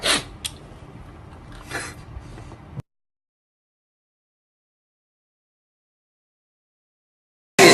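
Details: Sneezes compilation: a few sharp, hissing sneeze-like bursts over faint room noise, then a long silence; sneezing.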